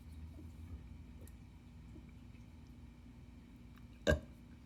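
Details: Demonstration by a speaker with a normal larynx of the glossopharyngeal press (inhalation) method of esophageal speech, the first step before adding speech, a method meant for laryngectomy or tracheostomy patients; esophageal air intake burp.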